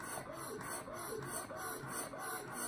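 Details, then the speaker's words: Medela Pump in Style electric breast pump at its highest suction setting: rhythmic mechanical whirring and sucking pulses, about two a second. "There's a big piece that plugs into the wall, and you're just gonna plug it in there, and then these are the settings to turn it on. That's what it sounds like. You could keep going. That's like the suction, how much suction you want."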